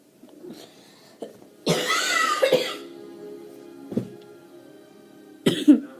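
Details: An adult gives a few short throat-clearing coughs and one longer harsh coughing burst, set off by laughing, with soft background music.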